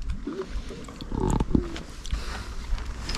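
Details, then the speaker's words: Loud, rough, low snorting rumble of heavy snoring from a sleeper in a tent about 15–20 metres away, heard outdoors at night over faint background noise. "ça ronfle ça ronfle je me demande on dirait un cochon sauvage"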